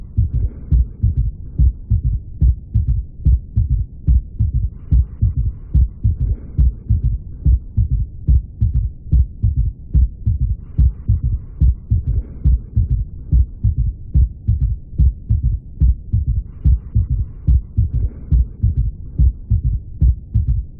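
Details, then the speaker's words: Third heart sound (S3 gallop) played as an example while discussing heart failure and volume overload: regular low heart sounds with an extra soft low thud after the second sound. "ok y pueden oír más o menos se escucha claro no se escucha claro el tercer ruido entonces qué es lo que vemos acá o qué es lo que podemos apreciar primero el tercer ruido en algunos casos puede ser normal ya en algunos casos puede ser algo fisiológico"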